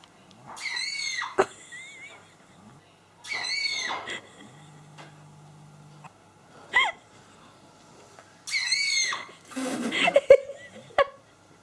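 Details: Sneeze of a chicken.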